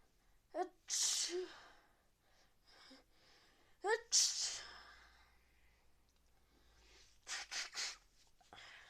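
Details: Two sneezes, each with a quick inward catch and a loud hissing burst, from a person with a suspected cold, fever and frequent nose-blowing after staying in the garden in rainy weather.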